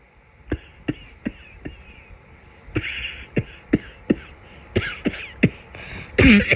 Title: My summer cold cough